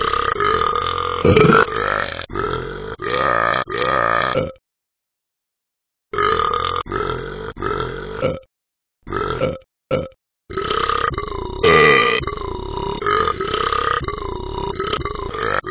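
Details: Simulated burping from the Talking Ben the Dog app, with long, loud, sustained burps strung together into the tune "God Bless America" with brief pauses; deliberate burping.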